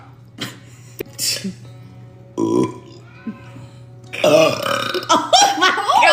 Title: BURPS !!!